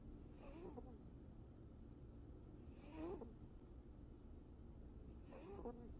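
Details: About 7-year-old female lap cat napping on top of her owner, snoring loudly; snoring.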